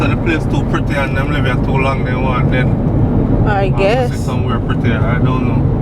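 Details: Adult male speaking in a moving vehicle; normal voice.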